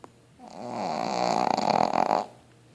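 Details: Pug, a flat-faced dog, snoring: one loud, rattling, snorting snore that builds and then cuts off, with coarse fluttering airway vibration.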